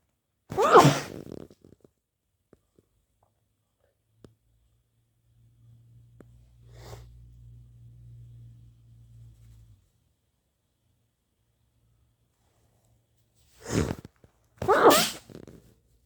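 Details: Three forceful, wet sneezes, one early and two close together near the end, separated by a quiet stretch with a low hum.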